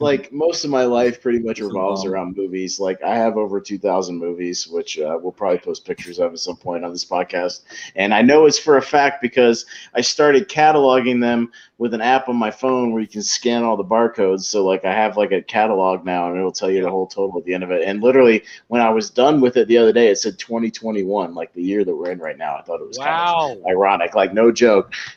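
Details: Adult male speaker; typical speech.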